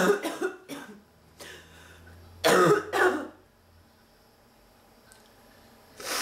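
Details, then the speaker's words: Run of repeated harsh coughs with short pauses, then quiet room noise, in an ill woman with a non-stop cough and nasal symptoms whose fits recur within 10 minutes and whose back hurts; persistent coughing fit. "I'm coughing ah kicking my ass I can't tell you this too many times laughs this is incredible"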